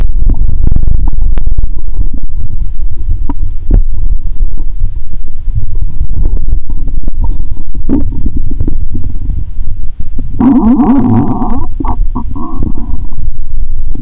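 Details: Bowel sounds heard by stethoscope on own abdomen after drinking cola in a cola-and-Mentos session, stomach painful: low, muffled rumbling then a burst of bubbly gurgling near the end, with possible stethoscope noise.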